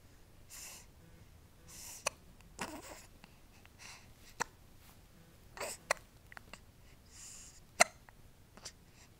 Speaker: How does it feel to have the hiccups, baby? Feel better?